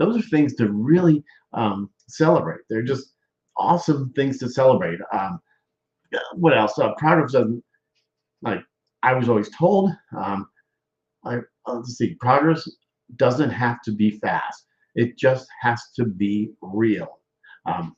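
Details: Adult man speaking; aphasia after stroke.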